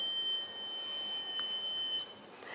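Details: Steady high-pitched tone from a KaVo DIAGNOdent caries detector as a hygienist rocks its tip in a circular motion through the grooves of a dried tooth, stopping abruptly near the end; the reading was 11.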